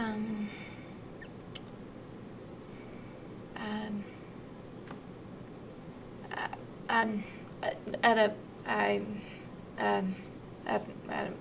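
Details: Severe non-fluent Broca's aphasia, an acquired language disorder; expressive language impaired while comprehension is stronger, with effortful, halting answering; Broca's aphasia.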